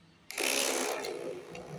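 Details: Sudden whirring, ratcheting mechanical sound as the built-in printer of a portable Zoncare ECG machine feeds out a report after the print button is pressed during a demo.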